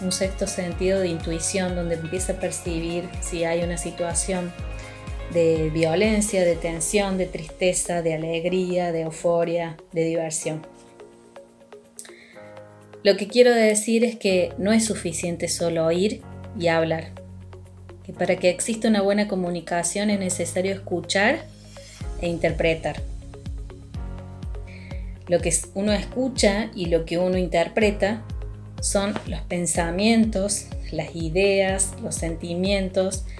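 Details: Adult speaker, Spanish, with background music; ordinary fluent speech.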